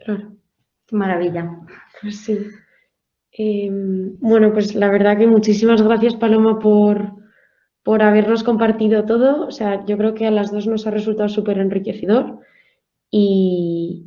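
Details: Adult woman speaking Spanish; Normal speech.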